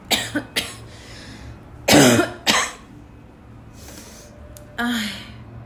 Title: my intense barking cough is back, hope you enjoy